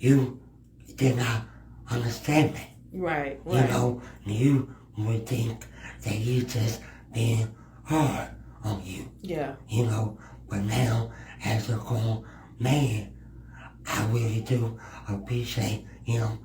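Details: Speech impediment in a male guest who is part of the disabled community; finding: speech impediment.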